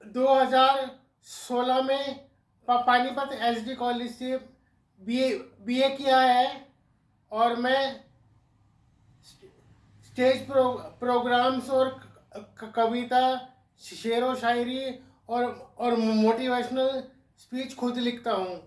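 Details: Adult man presented in a cerebral palsy awareness video; dysarthria (cerebral palsy).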